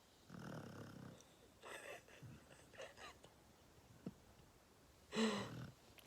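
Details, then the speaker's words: Sleeping puppy snoring: soft, irregular, rattly snorting breaths, quiet, with a louder snort near the end. "this this one is is the snoring normally hey he's just oh there we go my favorite has been all three of them are snoring"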